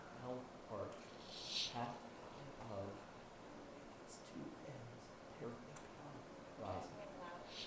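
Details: Recorded male patient doing voice tasks, judged by a clinical audience as having abductor (opener-type) spasmodic dysphonia with no associated vocal tremor.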